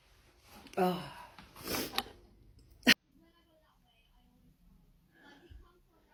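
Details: Person sneezing with no known trigger: a breathy build-up and muffled sneezes ending in one sharp sneeze, then a quiet room; part of a repeated sneezing fit that goes on and on.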